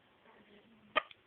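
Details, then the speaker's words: Single short, sharp voiced hiccup with a small follow-on sound after faint murmuring, from an infant girl, apparently seven weeks and three days old, in pink snow pants with hiccups; infant hiccup. "hiccup hiccup C my hiccups that's my sweetie pie"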